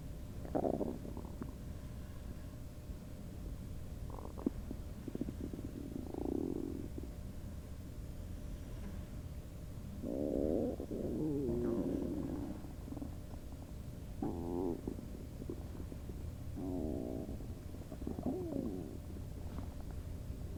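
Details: Person's requested stomach-noise recording with other background noises: intermittent gurgling, bubbling stomach rumbles from gas and fluid moving; ordinary borborygmi (bowel sounds).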